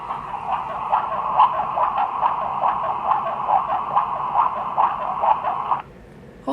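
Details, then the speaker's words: Fetal heartbeat recorded at 32 weeks 1 day, heart rate 147, played back from a teddy bear's small tinny speaker; rapid, regular whooshing beat at about 145 beats a minute. "you guys could hear that but that's actually mine's heartbeat"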